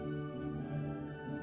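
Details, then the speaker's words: Simulated moderate hearing loss (40–55 dB): music as heard with moderate hearing loss, muffled and stuffy, compared with normal hearing. "뭐 벌써 중등도 난청 만 되도 귀에서 많아 넣고 드네요 잠 개성이 답답하게 되요"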